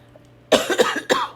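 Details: Three quick, harsh coughs from an adult woman who is under the weather and says her chest and lungs hurt, awaiting doctors' callbacks.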